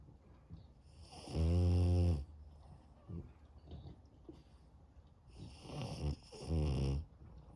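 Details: French Bulldog puppy on an afternoon nap: loud, low, rattling snores on each breath with quieter snuffling breaths between; very loud snoring.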